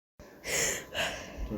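Two sharp, hissing indrawn breaths in quick succession, like the gasps before a sneeze.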